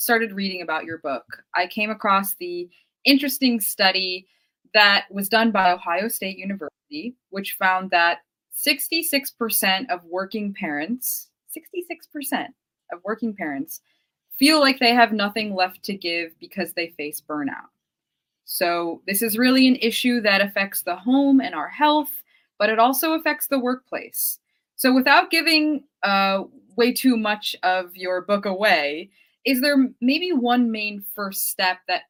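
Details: Adult woman; normal speech.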